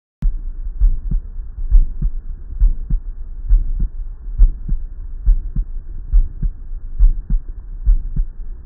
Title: Ejection systolic murmur